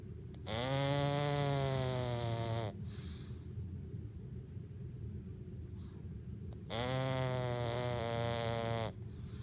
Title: Pug snoring - our 12 year old pug